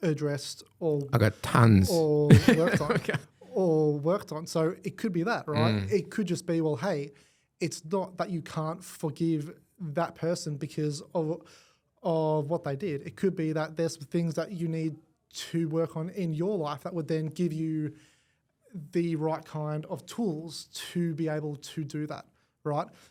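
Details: Adult man born with cerebral palsy affecting his whole left side; stutter attributed to it, began around age five, went away about a year at six, returned worse; long-term McGuire Programme member and coach; stuttering.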